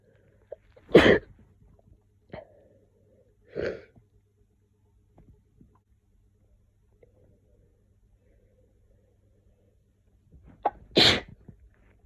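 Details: Woman with a cold, sore throat and cough, unable to stop sneezing: three abrupt explosive sneezes with small sniffs between them in a quiet room.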